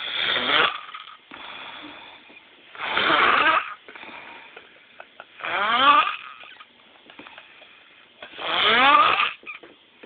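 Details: Loud, rough snores with each breath, about 20 a minute, with quieter breathing between them; ordinary snoring.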